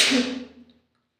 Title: Sneezing cold ❄️🥶